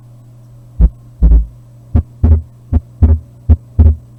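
Regular paired heartbeat sounds, about 78 a minute, over a steady low hum; the second sound of each pair is the normal second heart sound (S2).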